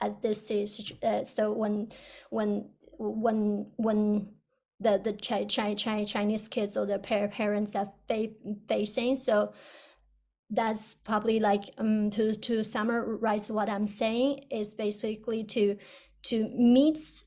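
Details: Adult who stutters, originally from China, first-year PhD student, with a past of covert stuttering behaviours; repetitions heard; stuttering.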